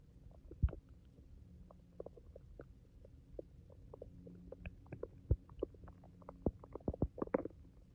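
Irregular low gurgles and rumbles with scattered bubbling pops, typical of ordinary stomach growling.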